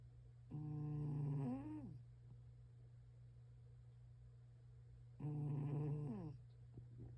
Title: Cat snores LOUD at home office - Zoom call colleagues asked about the “interesting background”